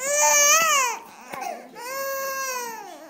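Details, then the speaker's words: Infant girl crying during tummy time, which she doesn't like; two loud, high-pitched wailing cries with a short catch of breath between them; infant cry. "love her make her stop crying you going love her no give her love it's a good big sister"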